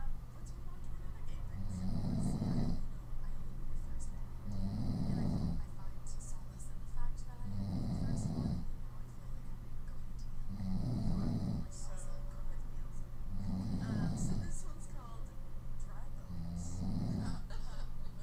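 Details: Woman sleeping on her stomach: six rumbling snores at about 20 breaths a minute, each followed by a soft puff of air through loosely closed lips; snoring with lip blowing.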